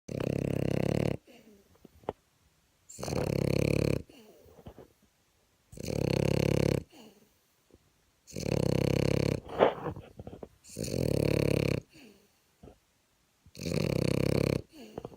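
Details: Loud, deep, rattling snores repeating steadily about every two and a half seconds, roughly 24 a minute, with quiet pauses, from a sleeping French bulldog: snoring.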